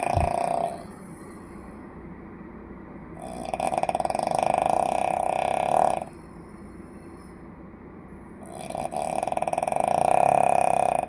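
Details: Loud, rough, rattling snores on each inward breath with quiet pauses between, about six breaths a minute; heavy snoring.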